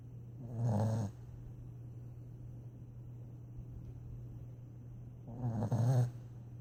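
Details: Sleeping dog snoring: two low, rumbling snores about five seconds apart, roughly 12 breaths a minute, over a steady background hum.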